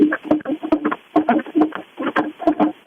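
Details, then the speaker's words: Rapid, regular whooshing fetal heartbeat at about 140 a minute on a hospital monitor, heard over a phone after the mother's waters broke; fetal heartbeat. "that's baby J's heartbeat okay"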